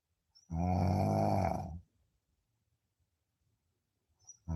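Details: Deep sleep snoring: one long, loud, low rattling snore on an in-breath, followed by a quiet pause and the start of the next snore.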